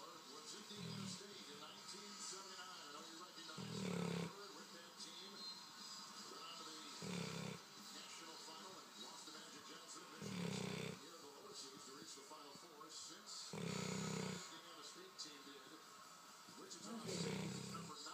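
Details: Regular low rattling snores about every three seconds, roughly 20 a minute, over television sound; snoring.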